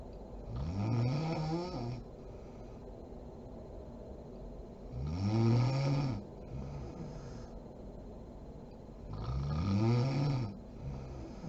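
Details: A sleeping mother snoring: three loud, low, rattling snores on inhalation, about 14 per minute, with quiet breathing between them; ordinary snoring.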